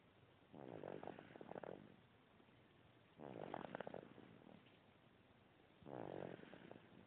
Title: 8 weeks old and snoring!.mp4